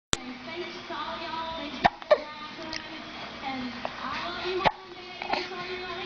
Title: Hiccups and giggles